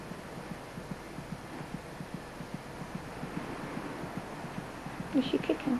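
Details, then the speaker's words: Fetal heartbeat heard through the mother's abdomen, quite loud, about twice as fast as the mother's: rapid, regular soft thumps, a normal fetal heartbeat. "kicking it's quite loud the fetus's heart beats about twice as fast as her mother's"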